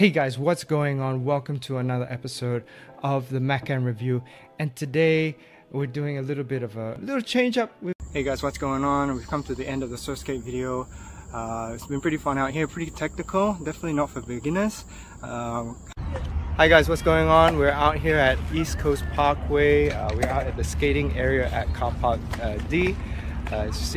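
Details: Adult man; normal speech.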